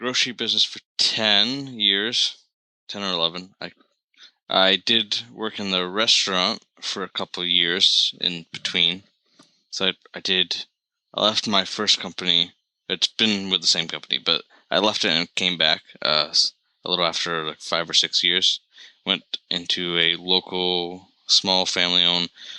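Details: Stuttering in an adult man, with blocks and repetitions that get worse with stress and anxiety and vary from day to day.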